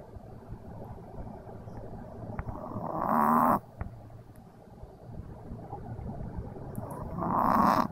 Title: Pixel the snoring dog